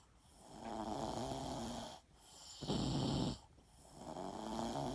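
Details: Snoring: loud, rough snores in repeated breath cycles with brief quiet gaps between them, typical of snoring during sleep.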